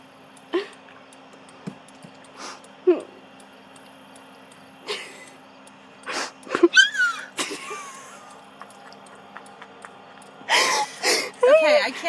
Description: My daughter got a kick out of my "Pterodactyl" Hiccups. My hiccups have always been squawky for as long as I remember.!